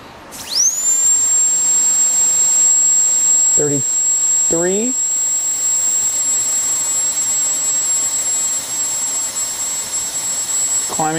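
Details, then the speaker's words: Star Little Star 430 air-driven high-speed dental handpiece (older, non-swivel) running during an airflow test, measured at about 34 standard liters per minute: a steady high-pitched whine spinning up, with brief low squeaks. "And then this one is uh star uh little star 430. Uh this one's not a swivel. It's an oldtimer, but just a little star 430 to see what that's going to be."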